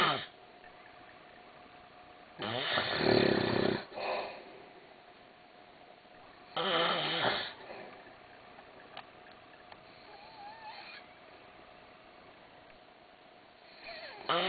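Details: Man snoring at night, told to put his nose strip back on: loud, rough snores about every four seconds with quiet gaps and faint background noise. Snoring.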